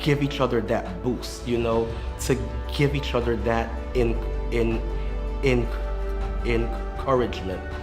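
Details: Stuttering with audible word repetition.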